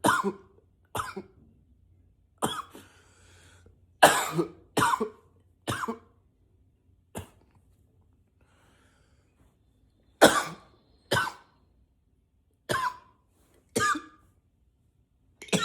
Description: coughing a lot, sometimes i try to cough with a deeper voice